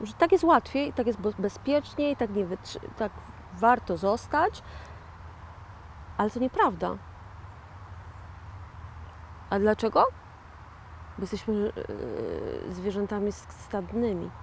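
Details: 41-year-old woman with aphasia following a stroke in 2009; a real stroke survivor who calls herself an aphasian; aphasia after stroke.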